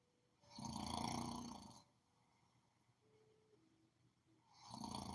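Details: Sleeper snoring: loud, rattling snores on the in-breath, separated by a quiet exhale pause, in a small room. Ordinary heavy snoring.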